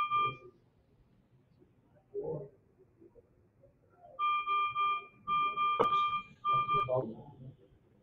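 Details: Repeated electronic ventilator alarm tones with brief talk in the room, during a live teaching session on mechanical ventilation strategy in severe bronchopulmonary dysplasia.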